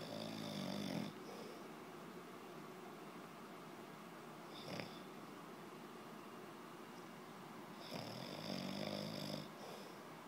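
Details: Snoring during sleep: loud, rattling snores a few seconds apart, with quieter breathing between them.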